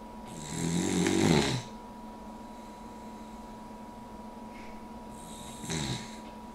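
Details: Daisy, a puggle (dog), snoring only when her head is propped up on the armchair: two loud, rattling inspiratory snores separated by a quiet pause, with a steady room hum.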